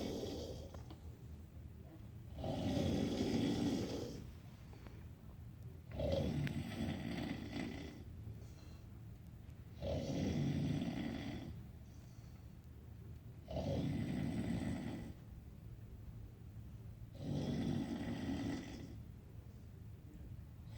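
Low rumbling snores, about 11 a minute, each on the in-breath with quiet breathing between; ordinary snoring.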